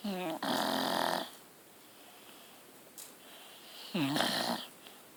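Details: Deaf dog snoring loudly: two loud, rattling, drawn-out nasal snores with a quiet pause between them.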